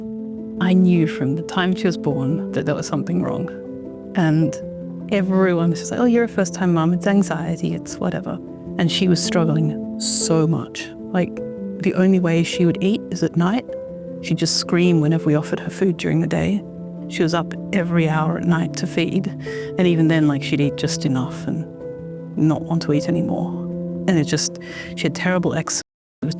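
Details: Adult woman speaking, with background music; typical adult speech.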